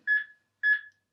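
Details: AED training unit during a CPR and defibrillator training demonstration on a manikin, after chest compressions to a metronome: two clear, identical high electronic prompt beeps about half a second apart.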